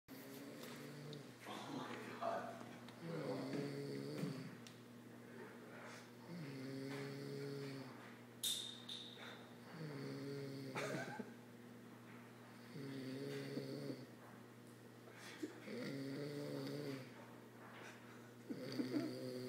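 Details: A man snoring late at night: regular, buzzing snores about every 3 seconds, roughly 20 breaths a minute, over a steady low room hum.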